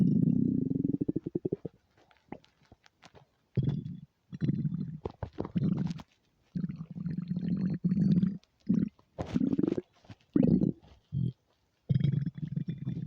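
Repeated gurgling, growling rumbles with short pauses between; ordinary stomach rumbling on an empty stomach.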